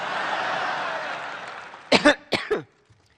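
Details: Four short, hoarse cough bursts in quick succession after fading applause: the Prime Minister's coughing fit during her keynote speech at the 2017 Conservative party conference, where the chancellor handed her a throat sweet.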